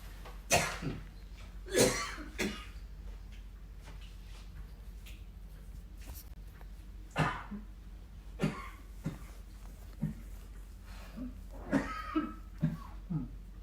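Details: Repeated short, harsh coughs spaced irregularly over several seconds in a quiet room from a father with COVID-19; a persistent cough during COVID infection.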